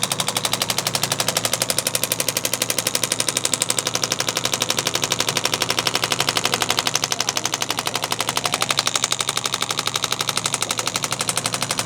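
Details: Radial shockwave device applied over the shoulder blade for shoulder pain from heavy backpack straps, chosen over focused shockwave to avoid the lung field: rapid, very regular sharp tapping pulses, about four a second.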